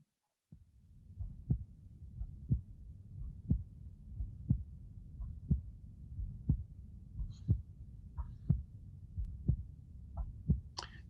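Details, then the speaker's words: Regular sharp, snapping heart sounds at about 60 a minute at the pulmonic area: a loud, metallic pulmonic second sound from abnormally high pulmonary pressure, other sounds poorly transmitted through the chest. "so listen this uh increase intensity second sound of the pulmonic area"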